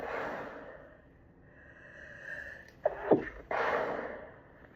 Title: mostly stifled chhinkni sneezes